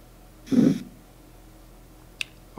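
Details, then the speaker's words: Korotkoff phase 2 sound on a wearable blood pressure simulator while the cuff is lowered. Phase 1 began at 120 and phase 2 is heard at 102, with the radial pulse still felt: one soft, slightly swishing thump, then silence. "I'm gonna start Loring and here's Karthik off new song I still need a pulse hmm and yep 102 mm-hmm"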